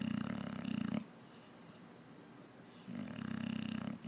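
Loud, rattling snore on the in-breath, about a second long, then a quiet out-breath and a second snore starting. Heavy snoring.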